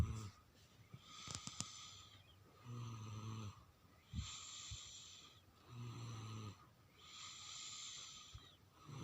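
Rough, fluttering snores on inhalation alternate with hissing exhalations, about 13 breaths a minute, with a few clicks in the background: snoring.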